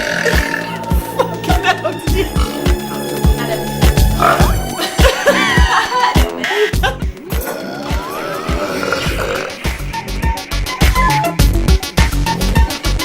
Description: drinking fizzy drinks to see who can do the best burp.